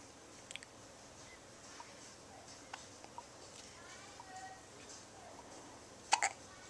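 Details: Two-week-old baby with hiccups.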